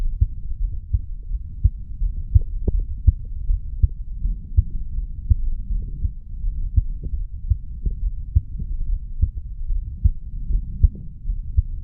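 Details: 35-year-old male's heartbeat recorded at the mitral area after weight training: strong, regular low thumps with a steady low rumble behind; heart sounds after exercise.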